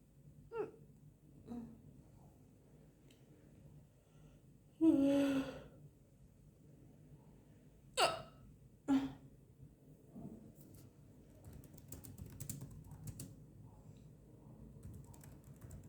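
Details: Woman hiccuping after lunch: a few abrupt, sharp hic-like gasps spaced irregularly over quiet room noise; hiccups.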